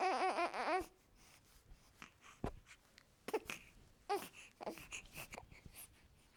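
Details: A newborn baby boy gives one loud, wavering cry that breaks off into soft fussing, whimpers and short breathy sounds: an ordinary newborn cry.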